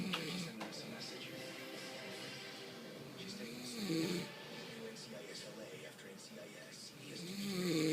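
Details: Father snoring while asleep in front of a televised NFL game: slow, rough snoring breaths, about 16 a minute, under the sports broadcast.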